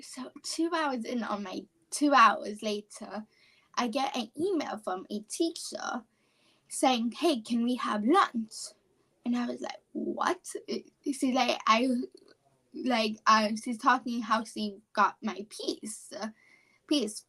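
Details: Childhood apraxia of speech, a neurological speech disorder, in a 17-year-old female high school senior. She has had speech therapy since about age four, has word-recall difficulty, and was once only about 10% intelligible.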